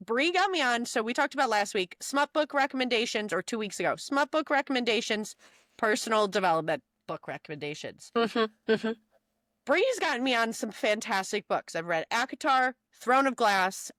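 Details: Adult female speaker; Normal speech.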